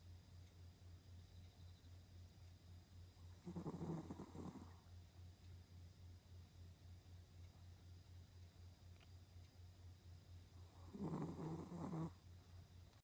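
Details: Requested recording of a pet's snoring while asleep: two loud snoring breaths over a steady low hum.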